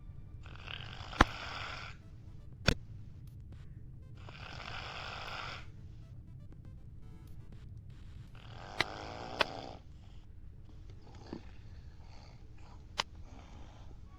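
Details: Snoring: three rough, rattling snores on breaths in, with sharp clicks and low room hum between them.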